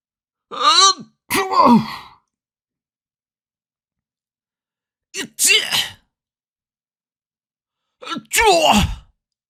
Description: Recursos de audio de gente estornudando, diferentes estilos de estornudo.